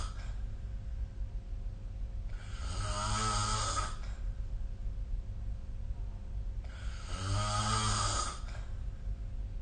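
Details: Snoring during sleep, recorded with the SnoreLab phone app.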